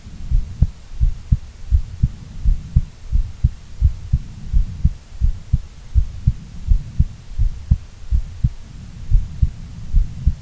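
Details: Normal heart sounds from a female: steady paired low thumps at about 85 beats a minute over a low hum.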